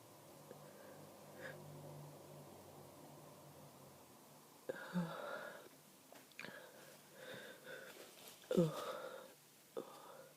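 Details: Adult with a head cold caught from a partner, very congested and snotty, stifling powerful sneezes during a 30-minute morning fit: several quiet, partly stifled sneezes with sniffing and congested nasal breathing between; sneezing fit.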